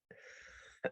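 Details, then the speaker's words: Single short, soft cough after a drawn-out breathy exhale, from an adult with a cold: pounding headache, runny nose, sneezing fits, sore neck; cough described as not too bad right now. "and then i'll just cough a little so you can hear what's going on"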